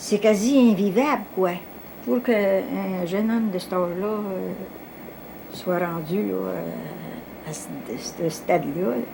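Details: Adult speaker, French; ordinary speech.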